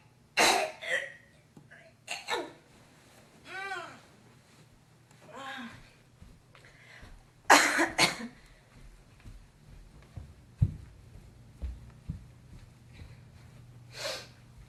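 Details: Girl coughing and hocking phlegm: several harsh coughs and throat-clearing bursts with guttural hawking, as when bringing up phlegm, in a quiet room.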